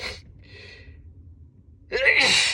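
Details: Sneezing repeatedly, unable to stop, while sitting: a quiet inhaled gasp, then a sharp loud burst of air typical of a sneeze, over low background hum.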